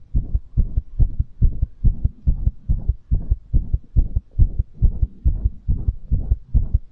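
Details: Strong, regular low thumps at about 140 beats a minute, recorded as ASMR after exercise; fast heartbeat after exercise, a normal response to exertion.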